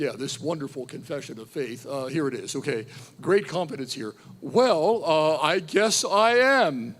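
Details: Adult man who says he is a stutterer, usually unnoticed by listeners, re-enacting his high-school stuttering: stuttering (re-enacted).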